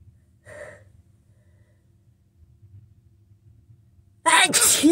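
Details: Adult sick with a head cold, sniffly and tickly all day, struggling to get sneezes out: a brief nasal sniff, quiet breathing, then the loud sharp burst of a sneeze at the end.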